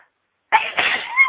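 A single sudden, explosive sneeze after silence; an ordinary sneeze.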